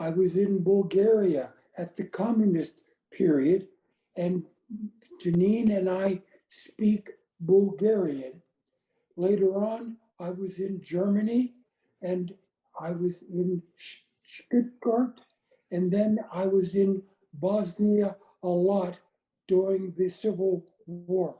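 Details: Aphasia in an adult woman after a gunshot wound to the head in January 2011; she reports the words are in her brain but she can't get them out; speech short and effortful.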